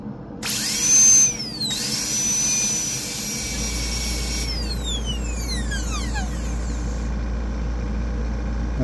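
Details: High-pitched whine of a dental high-speed handpiece with a 330 bur spinning up and cutting, pitch falling under load, during endodontic access preparation on anterior tooth #8 in an ADEX-style exam demonstration.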